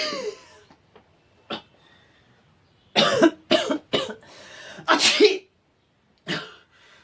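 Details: Monologue act portraying a cold: about six short harsh coughs, some in quick pairs, with a throat-clearing sound near the start; cough.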